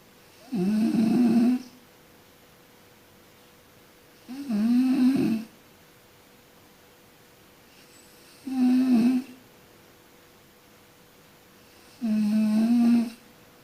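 Four regular, low, rattling snores about every four seconds, roughly 16 per minute, with quiet gaps between.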